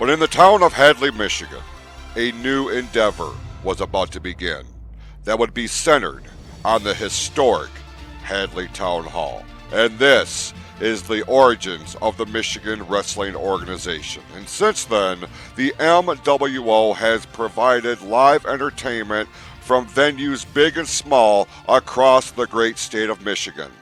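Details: Adult male narrator; ordinary speech.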